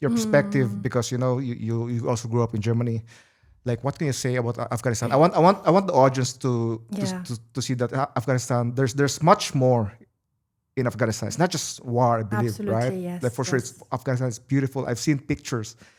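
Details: Adult male who says of himself that he always stutters and is not a natural-born speaker; stuttering.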